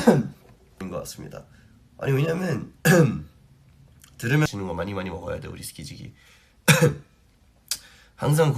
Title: Stray Kids coughing